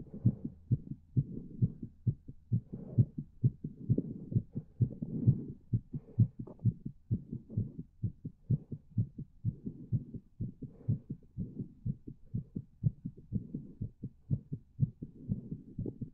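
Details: Steady soft low thumps at about 130 a minute, fairly regular: a fast heartbeat.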